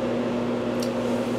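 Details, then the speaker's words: CoolSculpting (Zeltiq cryolipolysis) machine treating a patient's abdominal belly-fat roll: a steady low mechanical hum with a faint hiss as the applicator vacuums tissue in and begins freezing it. "and now what it's doing is like a vacuum cleaner it's sucking everything in and then once everything's sucked in that noise you're"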